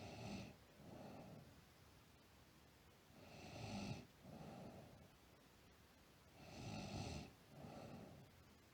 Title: Sleep Girl Snoring